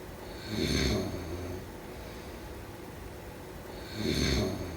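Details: Two rough, low rattling snores about three seconds apart with quiet breathing between; snoring during sleep.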